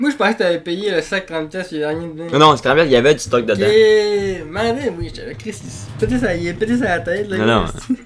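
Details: Adults in conversation; normal voice.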